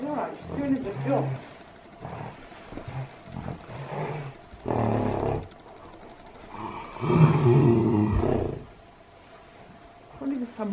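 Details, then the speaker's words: Deep, drawn-out groans and grunts between quieter pauses from a mare, her fourth foal, heavy breathing as labour starts; normal foaling, healthy foal delivered; mare groaning in labour. "oh I can see her she's starting to heavy breathe oh my god I can't believe it"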